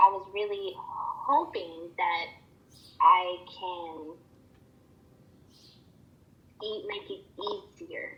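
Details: Acted client with acquired stuttering that began after a stroke (CVA) about three months earlier, with word-finding difficulty; stuttering.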